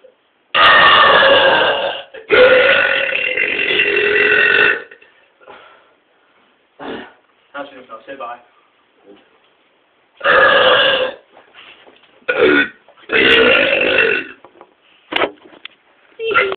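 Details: Two people burping loudly and powerfully: several loud, long, voiced belches with short pauses between them.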